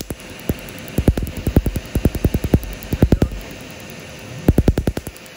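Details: Laser tattoo removal on an over-35-year-old black shoulder tattoo: sharp snapping laser pulse clicks in quick bursts over a steady hiss of freezing cold air blown from a chiller hose to numb the skin.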